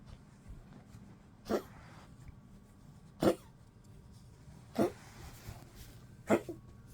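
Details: Cough in a 15-year-old Poodle, frail, sleeping a lot and eating little in 12°C cold weather: four soft, short cough-like bursts spaced about every one and a half seconds.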